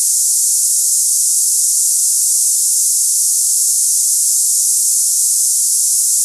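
Steady, loud, high-pitched hiss like cicadas, a simulation of hissing tinnitus.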